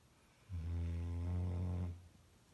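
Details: Dog snoring, which the owner describes as very loud: a single low, droning snore lasting about one and a half seconds.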